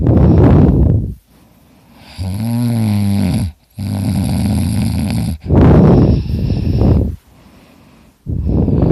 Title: Me snoring ( I sound like a chainsaw!)